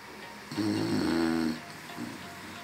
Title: ♥️FUNNY SLEEPING SNORING DOGS♥️